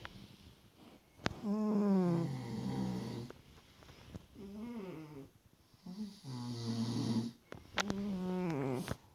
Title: Snoring Pussycat vs. Snoring Man!